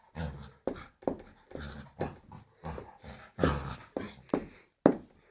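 A dog breathes in quick, irregular bursts, about 40 a minute, with some whimpery noise, in a small room; this is panting.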